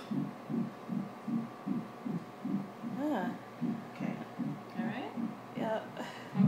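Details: Fetal heartbeat at 8 weeks: quick, steady whooshing pulses at about 160 a minute, with a faint voice in the background; early fetal heartbeat.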